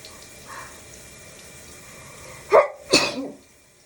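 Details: Sneezes in the shower: two sharp sneezes over the steady hiss of running shower water.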